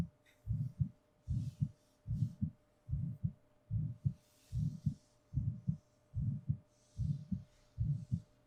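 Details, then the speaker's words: Normal heartbeat recorded for a binaural 3D ASMR sleep recording, with soft-spoken talking over it. "whether I'm nearby far away you will always always be able to hear and feel my heartbeat"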